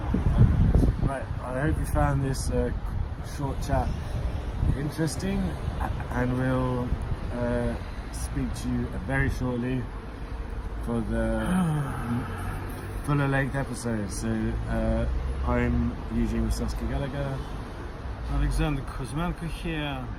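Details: Adult man who describes himself as a person who stammers; stuttering.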